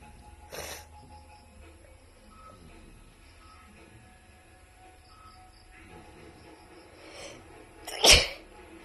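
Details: Two or three short, sharp sneezes, the last the loudest, over soft background music; sneezing.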